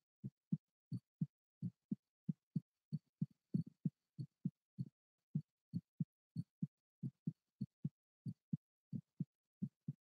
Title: ASMR live heartbeat